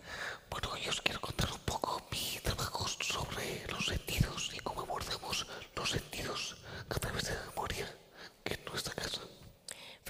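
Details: Man with the neurological disease dystonia, which in his case impairs control of his neck movements and can affect other body parts; he speaks without voice tone, in a whisper: whispered voice (aphonia) due to dystonia.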